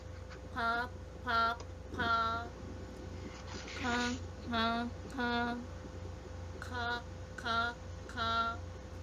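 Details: Nasal air emission demonstrated with the nose-holding test on syllables or sentences loaded with high-pressure sounds; increased oral pressure when the nose is closed suggests nasal emission; cleft palate/velopharyngeal dysfunction assessment context.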